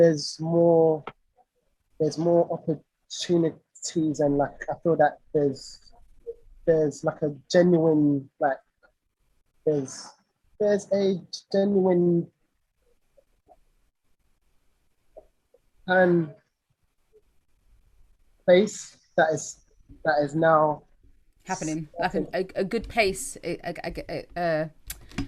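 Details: Stuttering (stammering) in an adult male singer with a lifelong stammer; his own conversational speech, with repetitions.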